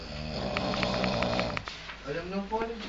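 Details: A rough, vibrating breath sound with fluttering noise, then a quieter breath, from a sleeper. Snoring.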